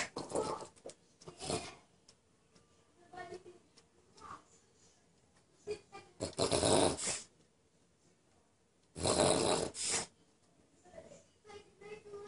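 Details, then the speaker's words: Pug with hiccups: irregular noisy snorting bursts, roughly twenty a minute, from a small flat-faced dog; these are hiccups, though they sound close to snorts. "Frank what's wrong with you you got the hiccups"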